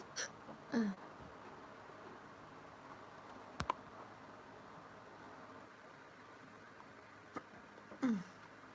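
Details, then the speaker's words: Hiccups in a girl after drinking a lot of a carbonated drink, worsening despite holding her breath: three brief, sharp gulping catches several seconds apart in a quiet room. "Oh my God, the hiccups. Oh yeah. Mm. Whew. Whew. Oh my God. I'll hold my breath in and see if it works."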